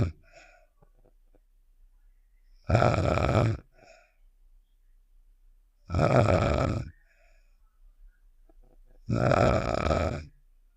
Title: (10 MINUTE UPDATE) Save The Shapes: Star's Snoring Sound Effect (REQUESTED)